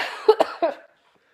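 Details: An adult with a heavy cold and a red nose from blowing: a quick run of three harsh, moist coughs.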